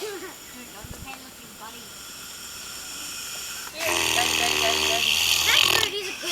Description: Saw this god all mighty ugly pig on this farm in New Zealand and it was snoring like a trooper, funniest thing I've seen for a while.